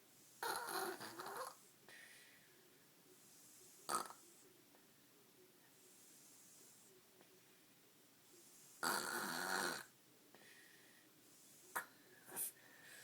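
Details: Two loud, rough snorting breaths about eight seconds apart, with softer snuffles between, in a quiet room; snoring that someone asks may not be healthy.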